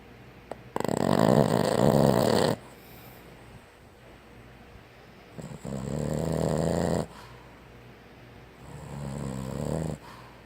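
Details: Sleeping Boston Terrier: loud, rattling snores on each breath in, about 17 a minute, with quiet pauses between; snoring.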